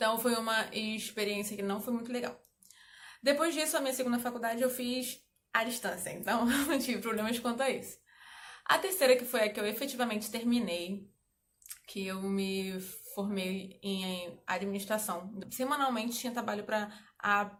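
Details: Adult woman who stutters, speaking Portuguese; stuttering.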